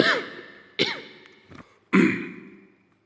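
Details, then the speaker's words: A Chinese leader, an adult man, during a live-broadcast speech: three abrupt harsh coughing bursts lasting about 2 seconds, each with a rough, throaty tail, followed by 7–8 seconds of throat clearing. "약 2초간 이어진 기침 기의 잠시 멈췄던 다시 7에서 8초간 목을 가다듬고 나서야 겨우 말을 이어갈 수 있었습니다"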